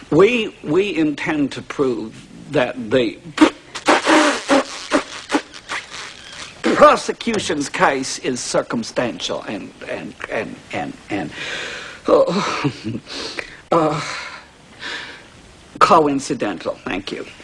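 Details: Acted movie scene (My Cousin Vinny): male lawyer stutters during his opening statement, with repetitions like 'of of of' and 'and and and'; stuttering.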